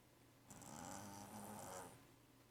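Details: Purebred Siamese cat with allergies snoring loudly while asleep: one long rattling in-breath snore with a faint whistle in a quiet room.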